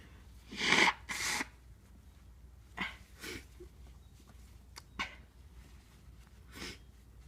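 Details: Two loud sneezes, then a few softer sniffs and nose blows in a quiet room; normal sneezes deliberately induced with a tissue; sneeze.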